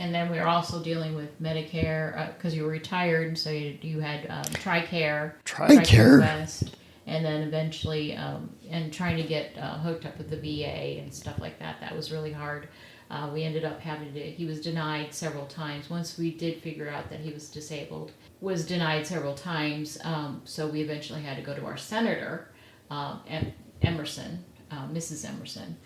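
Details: Adult woman speaking; plain speech.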